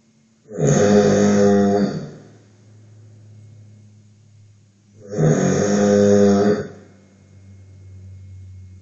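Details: Snoring during sleep, monitored with the Snorek sleep-watcher app: two long, loud, droning snores on inhalation, each about 1.5 seconds, with quieter breathing between them.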